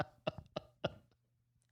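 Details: Two short, dry coughs, then a pause and the start of speech, from an adult podcast host who is under the weather with a lingering cough that recurs throughout the episode: cough from a cold.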